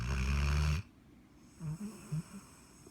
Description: 1 year old walker hound named Charlie, snoring his butt off 😁